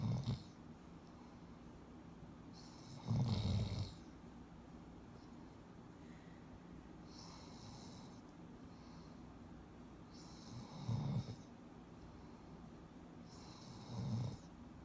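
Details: Low rumbling snores recurring every few seconds, with quieter breathing between them; a male sleeper snoring during sleep.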